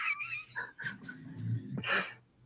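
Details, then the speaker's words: Bulldog snoring right behind the speaker during a live chat: a low, rattling, buzzy rumble drawn out over about a second. "I don't if you can hear I got my bulldog snoring behind me."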